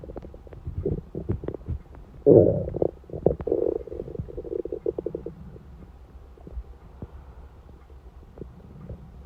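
Gurgling, bubbling stomach rumbles with clicks and low growls, typical of hunger-related bowel sounds.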